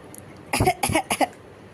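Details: 5-month-old baby making a fake cough on request: three short, voiced, deliberate cough-like bursts.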